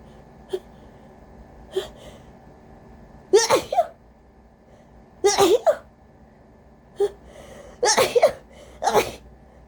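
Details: Person with a cold, very congested, doing induced sneezes: several forceful, desperate rapid-fire sneezes, some double, each preceded by a sharp intake of breath, with a congested sound.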